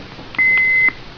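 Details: Heartstream FR2 AED (same as Philips FR2+) during a manual self-test demonstration: a single steady, high electronic beep lasting about half a second, signalling the self-test is complete.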